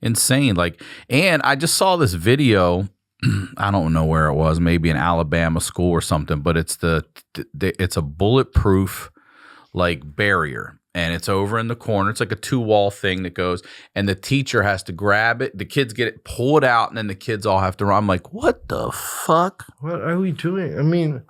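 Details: Adult male speaker; ordinary speech.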